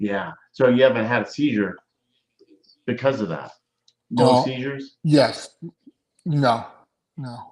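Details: Adult man speaking; normal speech.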